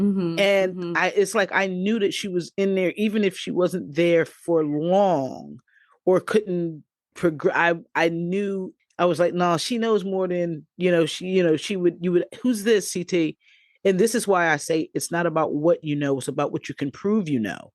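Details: Adult female stroke survivor with aphasia; post-stroke aphasia.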